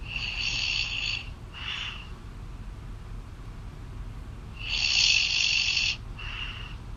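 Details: Girlfriend snoring loudly while asleep, heard over a phone call: loud, harsh, whistling adult snores in repeating bursts, with quieter breaths between.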